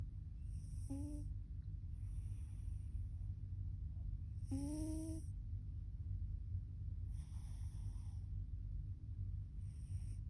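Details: Ginger cat snoring.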